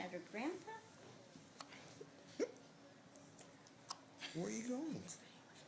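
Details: Infant girl held by her grandfather, with persistent hiccups: several short, abrupt vocal catches at irregular spacing, with brief sharp clicks between, in a quiet room.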